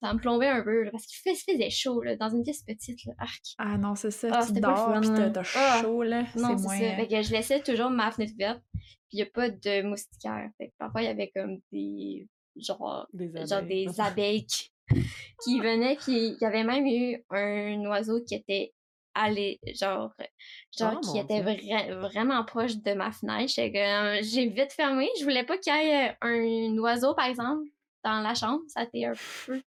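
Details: Stuttering in an 18-year-old female cégep student, diagnosed at about age 4, with several speech therapy follow-ups since primary school.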